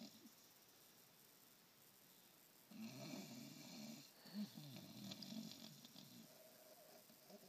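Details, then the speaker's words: Tired sleeper snoring: soft, fluttering snorts and snuffles for a few seconds over a quiet background; light snoring. "think he's tired? Really, girl? You're snoring like an old man, buddy."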